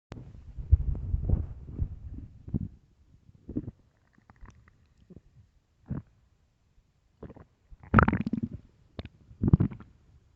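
Deep, loud gurgling and rumbling bursts with quiet gaps between them: stomach growling on an empty stomach.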